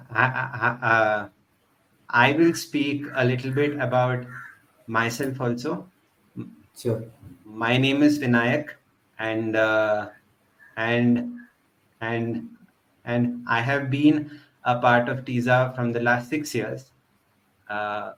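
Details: Adult man who stutters, member of a stammering association for 6 years, speech showing word repetitions; stuttering.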